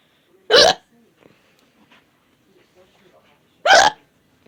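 Two sudden, short voiced gulps about three seconds apart in a quiet room; hiccups.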